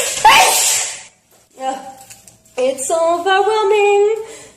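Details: Girl sneezing while singing; loud hissing sneeze burst, pause, then sung notes resume.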